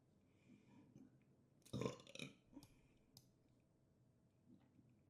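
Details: A long, rumbling adult belch with a lighter follow-on burst in a quiet room; burping.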